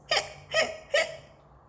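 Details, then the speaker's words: Simulated cartoon hiccups during a storybook reading: three evenly spaced, abrupt voiced hiccups about half a second apart, a skeleton character's hiccups persisting despite remedies. "he's still going but nothing worked the hiccups stayed"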